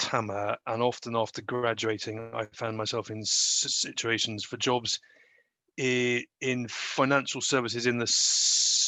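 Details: Stammering with sound prolongations in an adult male.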